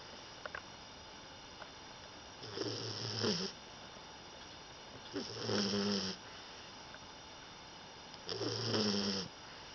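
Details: 16-week-old female English Bulldog puppy asleep, loud rattling snores about 20 a minute with harsh buzzing breath sounds over steady background hum; puppy snoring.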